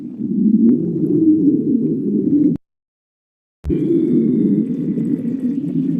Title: stomach growling 8